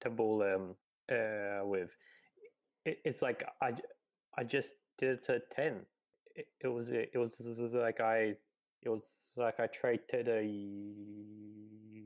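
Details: 28-year-old man from Australia who has stuttered his whole life, stuttering on words including the D of his name and substituting words; stuttering.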